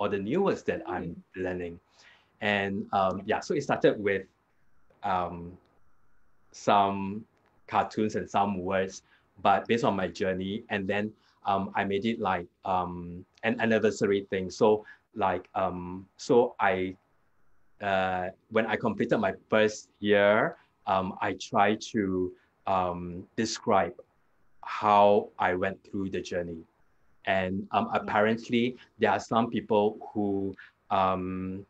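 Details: Adult man with aphasia after a hemorrhagic stroke 2 years ago; it was initially severe, with no speech in the first week, and he still struggles to complete sentences and gets stuck on basic words; improved with therapy; aphasia with word-finding difficulty.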